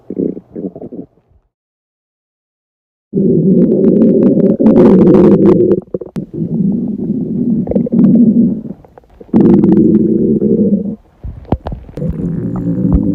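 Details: Girl on a diet holding off her hunger: loud, long stomach growls with deep rumbling and gurgling echoing through the room; stomach growling (borborygmi).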